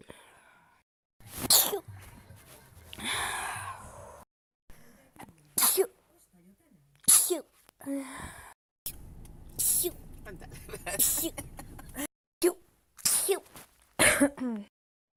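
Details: A rapid run of about eight sharp, explosive sneezes with brief gasps between them; a bout of repeated sneezing.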